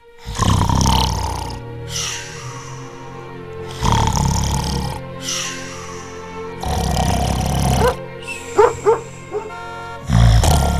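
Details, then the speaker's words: Simulated, acted loud, rough, low snores recurring about every three seconds (about 18 per minute) over background music, portraying a wife's heavy snoring in a segment on snoring and obstructive sleep apnea. "that that's the sound of my wife getting a terrible night's sleep and being too tired to help around the house tomorrow"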